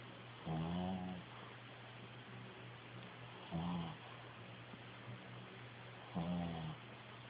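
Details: A sleeping pet snoring regularly at about 22 snores a minute, each a short buzzing breath in, over a faint steady hum.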